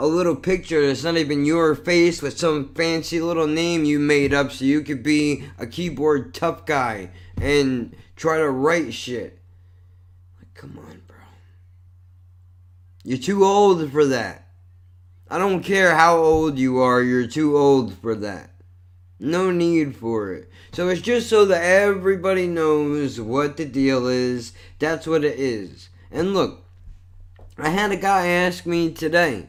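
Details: Adult male with cerebral palsy and multiple sclerosis, who says this neurological disorder affects his speech; dysarthria.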